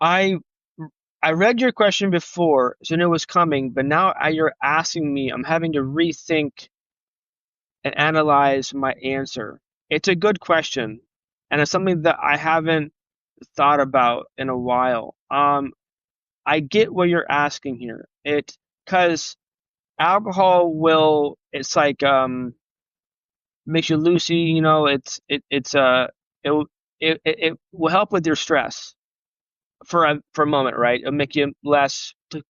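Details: Adult male who has stuttered since age 5, with on-and-off speech therapy from grade school through college, including therapy in his 20s, and self-esteem struggles due to stuttering; real, unscripted conversational speech showing stuttering.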